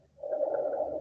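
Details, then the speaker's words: Rhonchi heard in a pulmonology teaching session: a low, coarse, snoring-like rumble through a breath, caused by secretions moving in the bronchi on inspiration or expiration, which may disappear after coughing. "a los ron cantes en otros nombres roncus hay un orgullo entonces porque esta edad porque hay una secreción en el bronquio entonces esta secreción cuando el paciente inspira o espira se escucha y parece eso esta secreción que se mueve"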